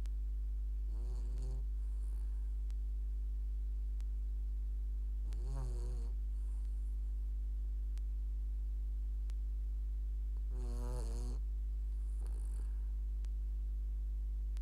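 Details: Sleeping dog snoring: three whistling, fluttering snores about five seconds apart, roughly twelve breaths a minute, over a steady electrical hum; snoring.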